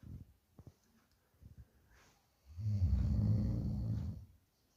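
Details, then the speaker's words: Sleeping Bhotia (pahadi) dog snoring: soft snorts, then one long, loud, low rattling snore lasting over a second. "ये देखो भाइयों, जब भोटिया सोता है इतने बड़े खराटे लेता है,"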